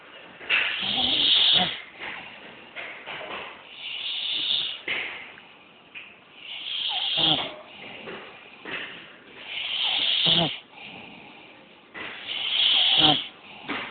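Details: Man (uncle) snoring in sleep: rough, hissing breaths about 22 a minute, somewhat irregular, over a noisy background.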